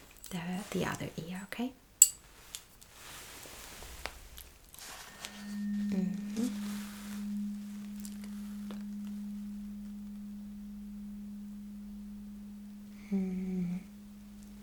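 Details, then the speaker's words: Struck tuning fork held behind the ear on the bone during a roleplay cranial nerve exam, testing bone conduction (Rinne test): steady pure low hum for about ten seconds, slowly fading. "I'm supposed to place this vibrating tunin Fork right behind your ears it's like um okay uh it's more about this bone conduction"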